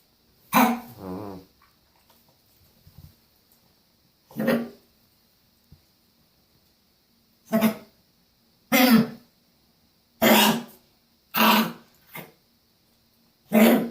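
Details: Dog foaming at the mouth and trying to spit something out, as if something is stuck; owner asks about the ER: about seven harsh, forceful hacking coughs in bursts with gagging between them.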